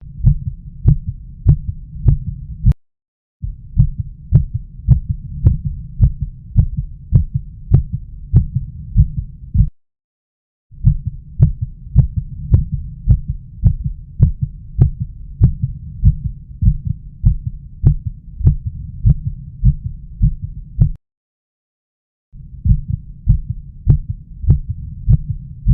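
Regular low heartbeats through a stethoscope at about 100 a minute, with a steady low hum behind.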